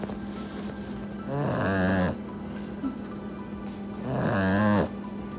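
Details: Puppy napping after hard play, snoring loudly: two drawn-out, rattling, buzzing snores on the in-breath, about three seconds apart, with a steady room hum.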